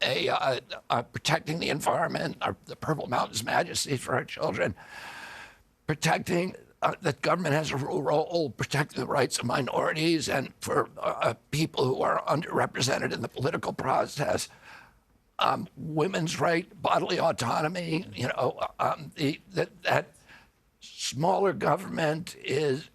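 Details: Adult man, spasmodic dystonia, a neurological disorder, onset at 42 after a 1996 injury; nerve signals tighten strong vocal cords constantly; Kyoto surgery about eight months earlier made voice more reliable; now doing alternative therapies; says voice strengthens with use.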